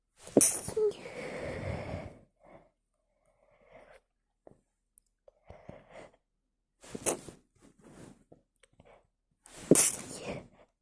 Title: Trying to holdback my sneezes (fail 😓)